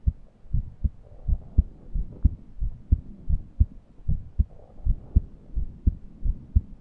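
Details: Steady paired heartbeats about 88/min with faint high musical wheezing, recorded while breathing was laboured and deep inspiration was impossible due to a suffocating feeling.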